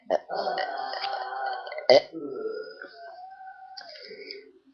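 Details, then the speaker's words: Deliberate funny burps in a small room: a long voiced burp, then a brief sharp one, then a drawn-out tonal burp. "Hello, I'm going to be making funny burps. That was a smelly one."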